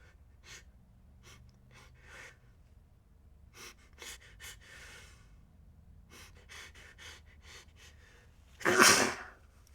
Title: More Sneezes